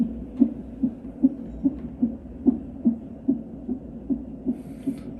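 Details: Normal fetal heart tones during a non-stress test with an electronic fetal monitor that records fetal heart rate and uterine contractions: steady, rapid, soft thumping at about 145 beats a minute over a low hum.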